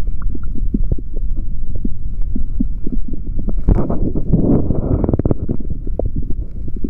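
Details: Adult male after drinking chocolate protein shake, stethoscope on abdomen: deep rumbling and gurgling, normal bowel sounds from gut activity.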